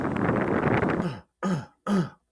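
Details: An adult outdoors in a cemetery in cold weather, about 30°, gives a rough, noisy cough followed by two short voiced throat clears, with wind noise.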